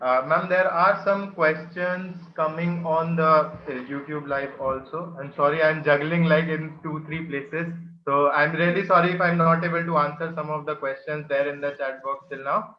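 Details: Adult male speaker; Normal speech.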